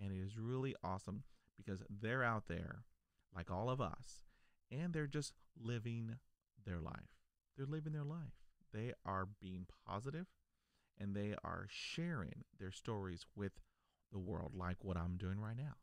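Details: Adult man who stutters, stuttering since childhood; stuttering.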